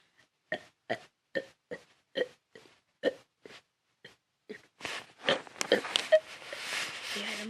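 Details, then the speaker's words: Person doing a deliberate burping challenge: about a dozen short voiced belches in quick succession, then louder noisy burps with handling noise. "Okay, so I'm just gonna tell you, Nyla, I'm gonna be doing a burping challenge just right now for you, okay?"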